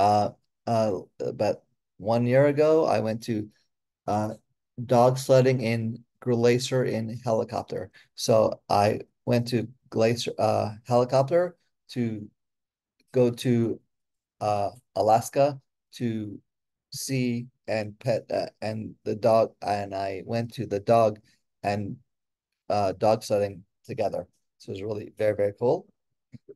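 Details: Adult with aphasia after a stroke, with difficulty with names, letters, spelling, reading and writing, walking again after physical therapy and speech therapy; aphasia.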